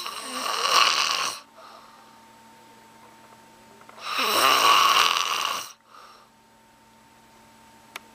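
Loud, harsh rattling on each breath in, about 15 breaths a minute, with quiet pauses between: heavy snoring.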